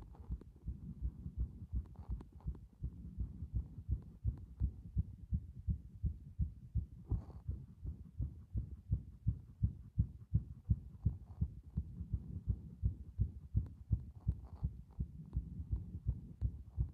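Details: Steady, rapid, low thumping heartbeat at roughly 165 beats a minute over a quiet background hum, presented as showing heart muscle strength.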